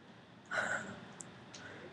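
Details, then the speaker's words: A single soft, snorting breath from a sleeping dog with faint clicks in a quiet room: snoring. "now the dog is snoring you guys you can hear him drinking can you hear him snoring too"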